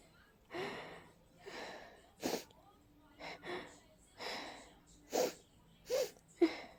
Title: Amazing Rapid Cold Sneezing Fit